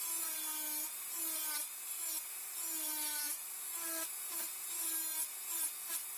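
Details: Dental high-speed handpiece on a typodont mandibular first molar (#36), full veneer crown preparation, mesiolingual cusp planar reduction: high-pitched whine in repeated short passes, dipping under load.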